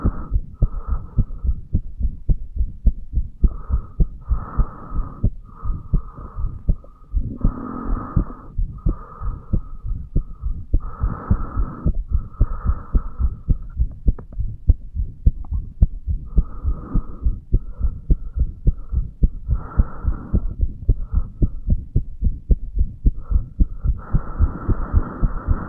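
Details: A 35-year-old male's own heartbeat recorded over the bicuspid/mitral valve area: steady, regular thumps with whooshing blood flow between beats; a brief irregular beat is noted elsewhere in the recording; normal heart sounds.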